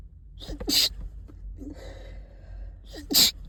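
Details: Stuffed up and snotty all day, stifling then sneezing; two sharp, hissing sneeze bursts about 2.5 seconds apart, recorded in a closet, with thuds from whole-body sneezing: sneezing.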